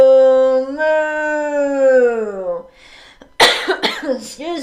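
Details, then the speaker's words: Cough during a Parkinson's speech exercise session; the speaker mentions bad allergies despite taking three allergy medications daily. "let's get some water allergies are terrible i take three different allergy medications every morning and they're still bad today"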